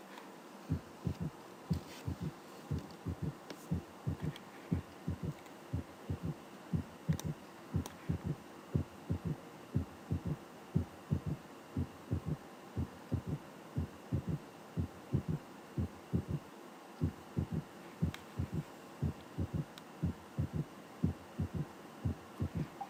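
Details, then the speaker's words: Teaching recording of a third heart sound, described as a ventricular gallop from left ventricular distension disorder: steady low heart sounds at about 60 a minute with an extra soft sound after S2; S3 gallop. "Otra vez tercer ruido, galope ventricular, trastornos de distensión del ventrículo [Música] izquierdo."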